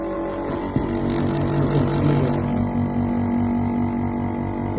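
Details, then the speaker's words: Portable tabletop suction machine (aspirator) demonstrated sucking water from a bucket instead of a patient, vacuum gauge rising to 600–650 until full: steady low motor drone with rapid pulsing hum and gurgling. "can see the vacuum gge rising up to 600 or 650 now it is full"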